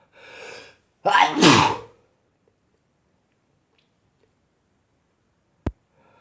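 A drawn-in breath followed by one forceful sneeze, then quiet.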